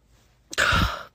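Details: Girl with recurrent hiccups, her fourth episode today, which her doctor attributed to a weirdly developed diaphragm expected to resolve after puberty: a single harsh, rasping half-second throat-clearing burst after quiet.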